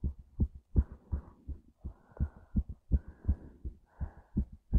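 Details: Rapid heartbeat: fast, regular paired low thumps, roughly 160 beats per minute, with a soft hum between beats.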